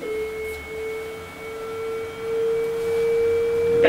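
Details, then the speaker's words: A steady electronic tone holds, then rises in pitch and loudness: a training AED charging after voice prompts during a public defibrillator demonstration. "scarica sconsigliata carica in corso allontanarsi"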